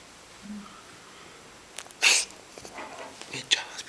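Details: Pet cat sitting on a bed suddenly sneezing: a small, sharp hissing sneeze followed by a few softer snuffles and clicks.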